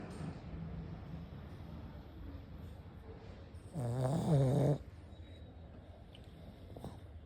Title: Pug snore hard to handle 😴😴🫨🫨🫨🤪🤪🤪🤪